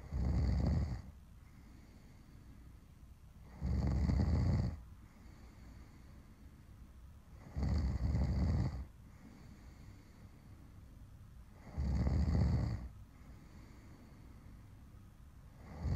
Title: Snoring to Help You Fall Asleep